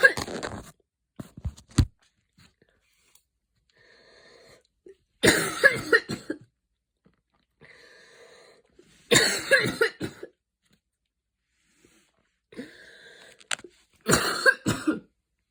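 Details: Coughing fit after an evening run in cold air, a mild asthma attack that began as wheezing: several harsh cough bursts separated by quiet, faintly whistling breaths.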